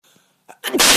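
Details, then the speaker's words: Sneeze: two short breaths drawn in, then one loud, explosive sneeze. "Nice, Ron. I sneezed. Oh, I'm not allowed to sneeze."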